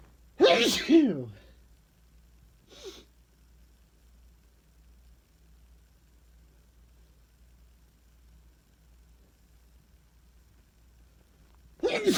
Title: Really loud sneezes (male) 🤧